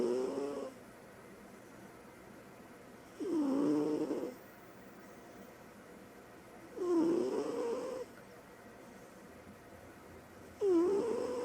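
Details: Four soft, tonal snores with quiet pauses, about 16 breaths a minute, from a female cat sleeping hard after play; cat snoring.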